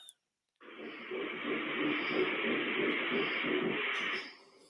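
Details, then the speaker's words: Fetal heartbeat on Doppler, heard for the first time the day before, played back through a phone speaker: fast, rhythmic whooshing pulses. "the sound I just played with my baby's heartbeat"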